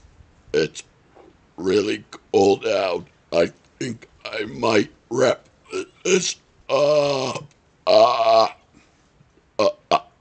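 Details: Repeated burping outdoors on a second-floor porch during a cold snowstorm: a run of loud, voiced, drawn-out belches, several long and rumbling, with short gaps between them.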